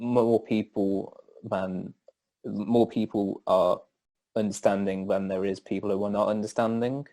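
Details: Stuttering in an adult male who stammers.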